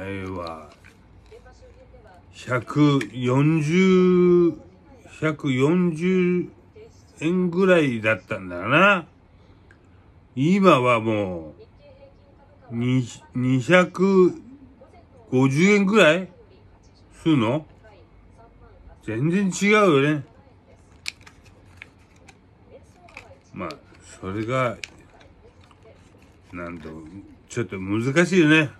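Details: Japanese speaker tagged as having aphasia and hemiplegia after a cerebral haemorrhage; aphasia.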